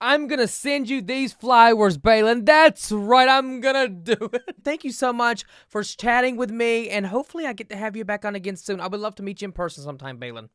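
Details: Adult woman speaking; normal fluent speech.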